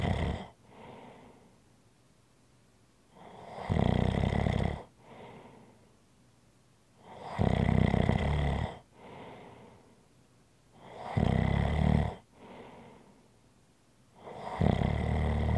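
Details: ASMR relaxation recording: loud rattling snores on each in-breath, about every 3.7 seconds (roughly 16 a minute), with quieter out-breaths between. Snoring.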